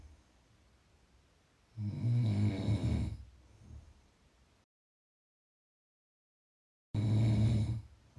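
Loud, low rattling snores on breathing in, with a cut in the recording between them; ordinary snoring.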